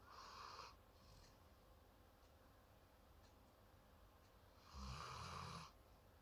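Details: Sleeping pet snoring while holding the owner's hand, snoring that sometimes wakes the owner at night: faint, soft snuffling snores, two audible breaths over a steady low room hum.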